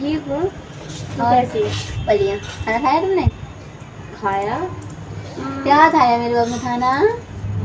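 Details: Male host deliberately faking a lisp as a prank on a friend, not a real disorder: lisp (feigned).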